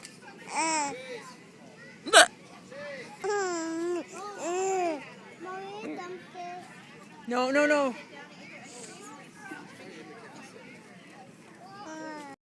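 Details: A single sharp, abrupt hiccup from the person recording, amid a young child's high-pitched babbling and gleeful squeals as she finds the hiccups funny.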